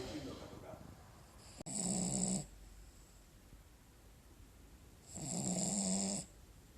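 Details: Cavalier King Charles spaniel snoring while asleep: two drawn-out, wheezy snoring breaths with a whistling edge, separated by quiet exhalation.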